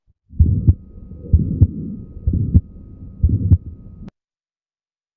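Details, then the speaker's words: Pediatric auscultation teaching in the context of Marfan syndrome with mitral prolapse: a regular heartbeat near 64/min with a sharp mid-systolic click after the first sound that can mimic a split first sound. "Esto es un clico es histórico. ¿Cómo se ve? Oye un primer ruido desdoblado."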